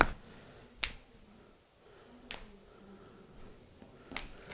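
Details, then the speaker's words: Finger knuckle cracking during a chiropractic session on a female patient who had never had her fingers cracked: three or four sharp, separate pops of joint cavitation in a quiet room. "non l'avo mai scrocchiato in vita mia mai mano così no le dita è importante farlo perché sulle dita sia di mani che piedi iniziano o finiscono i meridiani di acupuntura"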